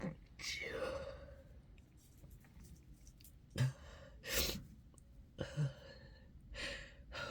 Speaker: Sorry. I have to sneeze again. Excuse me. Oh, sorry. Excuse me. I have to sneeze again.